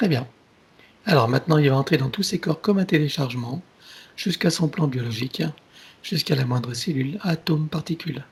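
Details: Adult speaker, French; ordinary speech.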